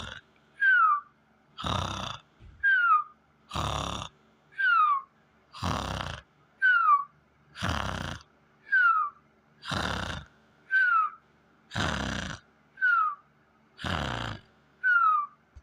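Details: Simulated snoring imitating a cartoon character: a rasping inward snore alternating with a falling whistle on the out-breath, about 30 a minute; an imitation, not real snoring.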